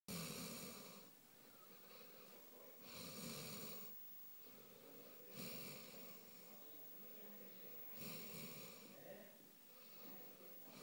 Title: che russa